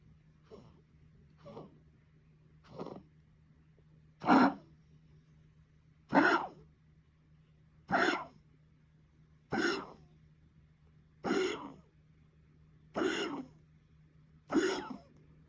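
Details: Pet coughing: ten short, harsh coughs evenly spaced about two seconds apart, growing louder over the run.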